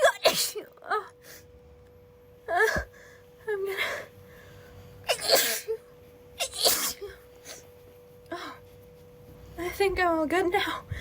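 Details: Acted sneezing by a girl who says she is cold and wet from rain and has a headache: a rapid run of about six sharp, high sneezes with quick catch breaths between them.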